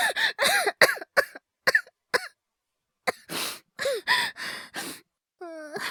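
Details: Acted cough by a male voice actor, part of a wordless cough/illness/hyperventilation voice collection: short, forceful coughs with voiced throaty sounds and a rising gasp at the end.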